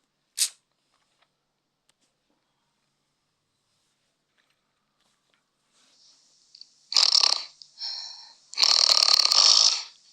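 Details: Adult woman, recorded on her phone while asleep at home to check whether she snores, after her husband slept in another room over it; she denies snoring: snoring.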